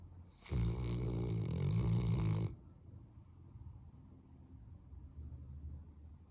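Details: Snoring in a sleeping Labrador dog: one loud, low, rattling snore about two seconds long, followed by quiet breathing and faint room noise.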